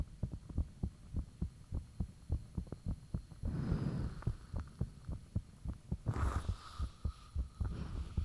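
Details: Self-recorded heartbeat with the fan off, taken shortly after the heart started feeling thumpy; valve sounds and blood rushing are audible. Steady deep thumping at about 105 beats a minute, with some rubbing noise over it.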